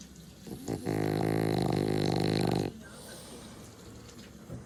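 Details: Sleeping French Bulldog napping with eyes half open: one loud, rattling, buzzing snore lasting about two seconds, then quiet breathing.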